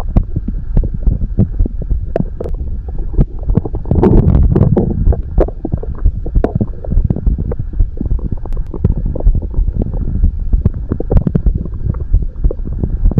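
Continuous deep rumbling and throbbing with scattered gurgles and clicks, recorded very close: stomach growling.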